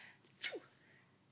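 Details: An adult playfully imitates a sneeze to amuse a child: a single brief, hissing sneeze-like burst with a short falling vocal tail.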